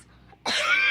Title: LITTLE PERSEVERANCE *cOUGHS* [ to break in a glove ]